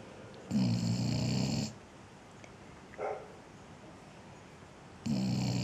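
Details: Dog named Ziggy snoring, owner suggests snoring when hot: loud, low, rattling snores about every four to five seconds, each just over a second, faint snuffle between.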